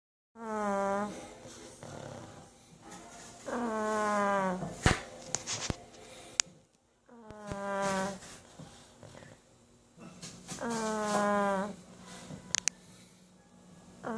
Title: Bowser the snoring pug.